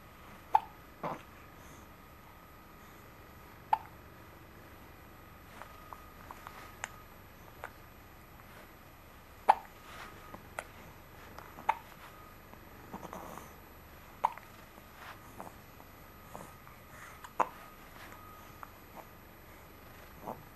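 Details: Daily uncontrollable hiccups: short, sharp clicking hiccups about every two to three seconds, roughly six in twenty seconds, in a quiet room.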